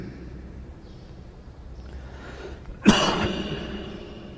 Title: Coughing ? How to defend yourself #shorts